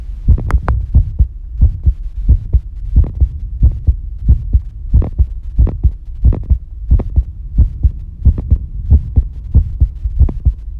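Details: Regular paired low thumps at roughly 90 beats a minute with a steady hum underneath, recorded while bathing; ordinary normal heart sounds.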